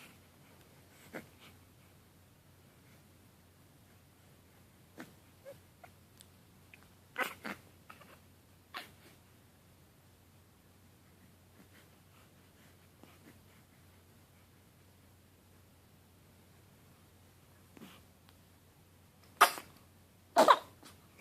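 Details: Infant during tummy time in a quiet room with small infant noises, then two sharp sneeze bursts close together near the end.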